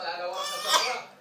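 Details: A young boy gives a single short, voiced cough in a quiet room, after which his father says bless you.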